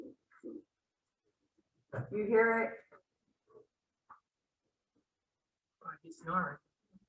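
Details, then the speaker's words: Teaching example of rhonchi in a respiratory lecture: two low-pitched, coarse, musical groaning sounds with quiet gaps, like a lower-pitched wheeze from a narrowed airway; rhonchi. "and then wrong tie is just lower same same sound just more uh low pitch yeah of course"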